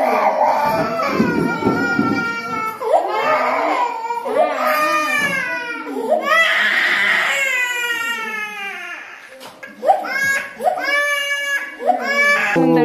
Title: Cute Baby Crying Painful injection #dalievlog#cute baby